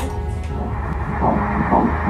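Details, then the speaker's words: Early embryonic heartbeat on a first-trimester ultrasound, about 6 mm embryo: rapid rhythmic whooshing pulses at 122 beats a minute, a normal rate. "[TOM: So fast?] [DR. KONG: Yeah, good! 122. If it's more than 100, it's good]"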